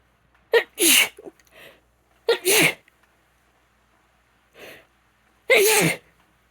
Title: Desperate itchy sneezes #sneeze #female